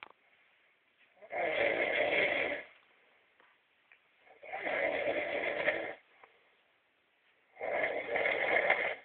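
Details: Man who had fallen asleep only about 30 seconds earlier: three long rasping snores a few seconds apart, about 20 breaths a minute, with quiet pauses between; snoring.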